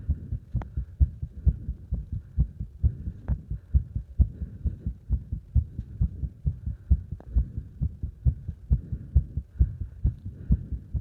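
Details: Heart sounds during exercise with strong breathing sounds: fast, regular heartbeat about 130 beats a minute with loud breathing behind it.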